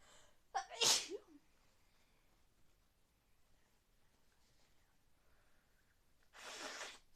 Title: Sneezes for raining